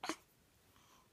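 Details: A 17-day-old baby girl with hiccups gives a single short, sharp sneeze, then near silence in a quiet room: infant sneeze.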